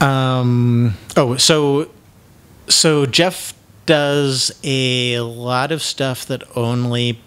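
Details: Adult man who self-identifies as having cluttering, real cluttering.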